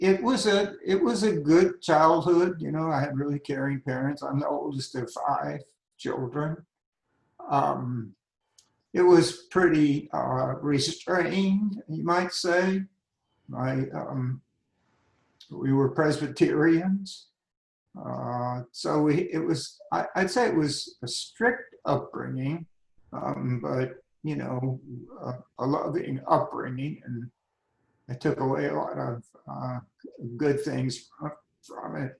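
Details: Adult man with spasmodic dysphonia diagnosed at age 51, managed without Botox through practice and workarounds; talking is tiring and some words such as "yes" take great effort. Finding: spasmodic dysphonia.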